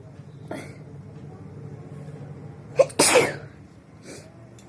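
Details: A woman trying to make herself sneeze with a handkerchief, eyes watering: a quick intake of breath, then one loud sneeze, with softer breathy sounds before and after in a quiet room.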